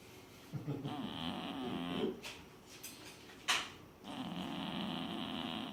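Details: Sleeping cat snoring loudly: two rough, rattling inhaled snores with brief softer exhalations and a small click between them.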